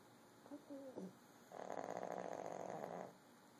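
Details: Little pug, a small flat-faced dog, snoring: a short snuffle, then a long rattling, fluttering snore on one breath over quiet room hum.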